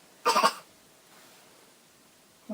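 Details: A young girl seen by a doctor, asked if she has a cough, gives one short deliberate cough of quick pulses on request during the examination, then quiet; a voluntary cough.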